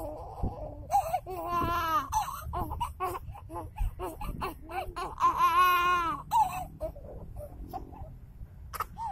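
Baby crying in loud, drawn-out wails broken by short sobbing catches; an ordinary infant cry.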